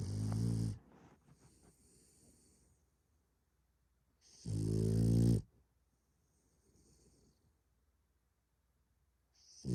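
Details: Sleeping French bulldog snoring loudly and roughly on each in-breath, about four seconds apart, with quiet wheezy out-breaths between; snoring.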